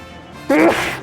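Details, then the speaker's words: A single abrupt adult sneeze from a streamer during a video game playthrough, a voiced burst into a hissing release, over soft background music. "The sneezes came from nowhere. That sounds like an RL Stein book."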